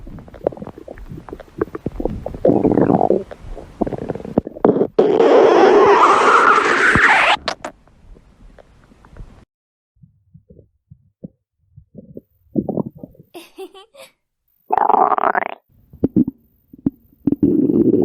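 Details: Loud gurgling and rumbling bursts with quieter bubbling pops between, recorded from a woman's belly; stomach growling (borborygmi).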